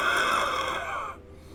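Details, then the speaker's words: Adult with allergies and clogged airways, exhausted, wheezing on exhalation: a single breath out carries a musical, multi-toned whistle for about a second, an expiratory wheeze. "i mean i i wheezed for y'all"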